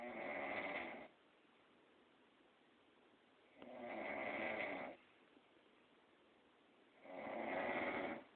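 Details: Adult woman snoring in sleep: steady, harsh snores about every three and a half seconds, roughly 17 a minute, with quiet gaps between them.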